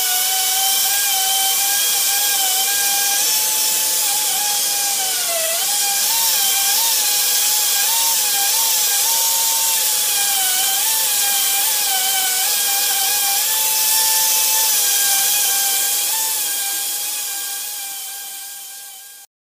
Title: Dentist Drill Sound Effect